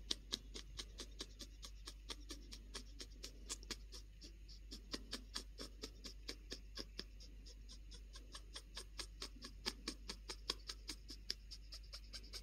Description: Ever wondered what the Pionus Parrot Wheeze sounded like? Quaffle gave a great example today that we just had to share. This is her Happy Wheeze